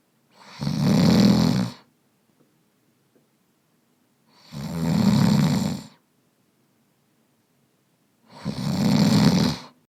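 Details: Man snoring in a real bedroom, recorded with binaural microphones: three loud, rough, low snores about four seconds apart with silence between, in a quiet room; ordinary sleep snoring.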